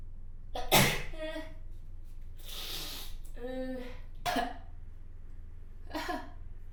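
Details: Person with chronic rhinitis and house-dust allergy: several sharp, explosive sneezes with short voiced catches between them, an allergic sneezing bout.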